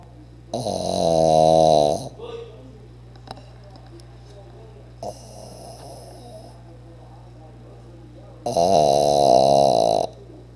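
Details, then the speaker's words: Pug snoring very loudly: rattling, buzzy snores in long bursts with quiet gaps, over a steady room hum; the owner says he snores even louder when awake and thinks something is wrong. "oh what you doing what is wrong with you tug why do you snore so loud"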